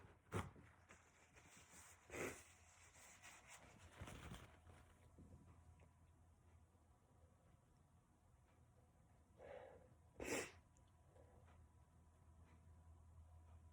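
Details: Male sneezing: sharp explosive bursts with soft breaths between, over a low room hum; a series of sneezes.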